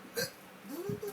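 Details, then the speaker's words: Person who says they can't stop hiccuping after drinking: a short, sharp hiccup-like catch followed by a brief voiced sound, in a quiet setting; hiccups. "Yeah. I can't stop hiccuping. How do you spell hic? I-C-C-U-P."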